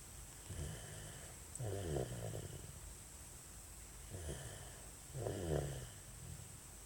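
Soft, low rattling snores on each breath, with a steady hiss in the background: an infant snoring.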